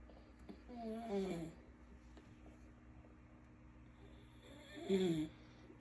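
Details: Father and son both snoring: two low, rattling snores several seconds apart over quiet room hum; ordinary snoring.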